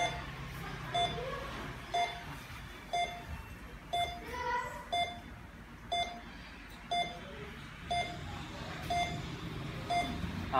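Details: Short regular pulse beeps about 60 a minute from a Beckman MEC-1200 patient monitor during a demonstration, with faint room noise behind.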